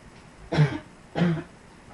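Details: Two low, voiced coughs in quick succession from an adult.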